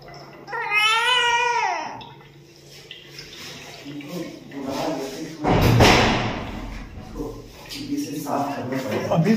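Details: A newborn's first cry: a short, high, tuneful wail rising then falling, followed by rustling and room noise with faint voices.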